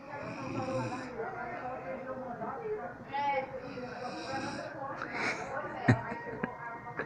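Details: Man asleep on a sofa after heavy beer drinking, snoring loudly: rough, rattling snores with people talking quietly in the background; ordinary snoring.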